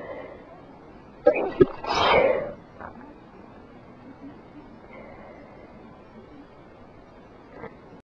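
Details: Human sneeze while sick: a short inhaled catch followed by one breathy sneeze burst, then quiet room noise.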